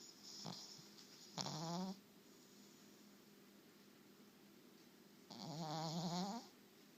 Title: Dog snoring!